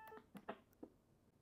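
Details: Community AED training unit in a demonstration: after "shock advised, everyone clear, press the flashing shock button", a few short electronic tones and blips, then "shock delivered"; AED shock button tone.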